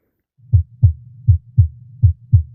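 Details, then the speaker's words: Simulated heart sounds via virtual stethoscope on a VR nursing-training patient: regular paired lub-dub beats at about 80 a minute. "I hear his heart. Wow. I hear it."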